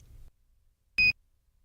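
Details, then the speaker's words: Philips HeartStart OnSite AED self-test: single short high-pitched chirp signalling the SMART pads cartridge is not usable; ready light goes off, i-button flashes, prompting cartridge replacement. "If the self-test indicates the cartridge is not suitable for use, the HeartStart OnSite will chirp, the ready light will go off, and the I button will flash."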